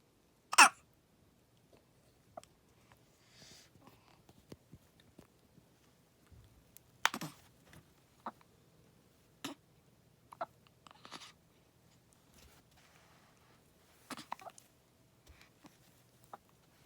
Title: 生後14日目(2) 新生児 しゃっくり、14 days old (2) hiccup